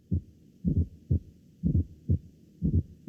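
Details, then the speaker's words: S4 atrial gallop (atrial kick): low-pitched extra sound just before S1, easily confused with it, about 60 beats a minute. "como dice la doctora pues este se puede escuchar un poquito adelante del s1 por eso es que muchos se confunden trum ta trum ta trta"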